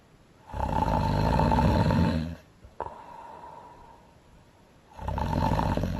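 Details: Animated film character Elsa (Frozen) snoring loud: deep rattling snores on in-breaths, about four seconds apart, with a soft whistling out-breath between.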